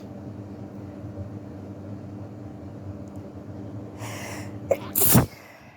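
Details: Person with flu sneezing: quiet room hum, then a sharp inward breath and one forceful sneeze.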